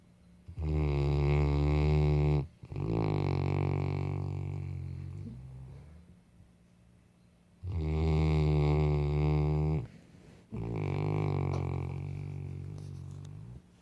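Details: Sleeping Saint Bernard dog: two long, deep, rattling snoring breaths with pauses between them; loud dog snoring.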